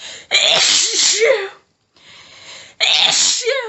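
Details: Woman's intense, desperate sneezing fit after a tickly nose all day, unable to stifle it: two loud, forceful sneezes with a gasping, panting breath between them, among rapid, very strong multiple sneezes.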